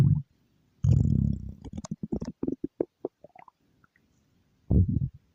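Low rumbling gurgles followed by a run of short bubbling pops, then another rumble: ordinary stomach growling.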